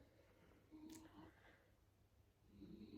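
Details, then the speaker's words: Soft, low rumbling snoring from an old female dog sleeping nearby in a quiet room, with two faint snoring breaths. "but she's sleeping right here. And she snores like, so I imagine you can hear it. Please bear with her."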